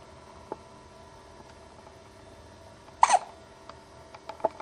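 One clear, abrupt hiccup with a couple of fainter catches against a low steady hum.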